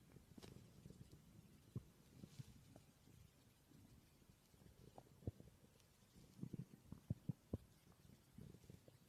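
Soft low gurgles and rumbles with a few brief squelching pops over quiet background: ordinary stomach growling, a normal bowel sound.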